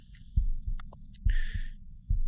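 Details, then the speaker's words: Adult's own heartbeat picked up with a Stemoscope digital stethoscope strapped to the body, replayed from a recording made during a live performance: regular paired lub-dub thumps at about 65 beats a minute; normal heartbeat. "i'm just playing back a recording i did previously of my heartbeat during a live performance"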